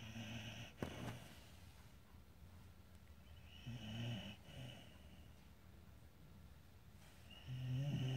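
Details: Snoring from a sleeping dog lying beside the owners' bed: low, rumbling snores, three a few seconds apart against quiet room noise.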